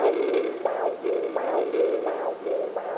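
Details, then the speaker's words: Mother's own arterial pulse on a home fetal Doppler, probe on the lower left abdomen near the hipbone, at about 116–118 beats a minute: rhythmic whooshing pulses often mistaken for the baby's heartbeat. "and what that is is you're hearing the blood flow in and out of the artery so it's fast and a lot of people mistake that as the baby but it's not the baby"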